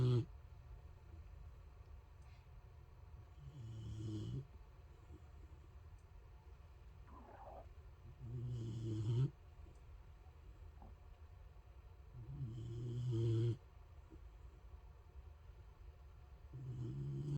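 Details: Boxer dog snoring loudly while napping: loud low rattling snores, about 14 breaths a minute, each snore lasting about a second.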